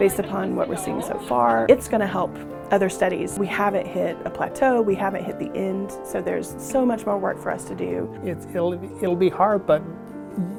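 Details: Adult speaker; normal speech.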